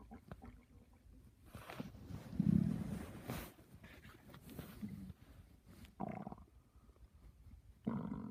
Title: My stomach growling at 6:45